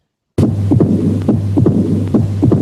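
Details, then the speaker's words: Man with increasing, debilitating shortness of breath; a triple rhythm with a loud first sound, an early snap after the second sound, and a low diastolic rumble over background noise: full-blown mitral stenosis. "in addition there is a diastolic Rumble T so this is full-blown m is in F everybody had it"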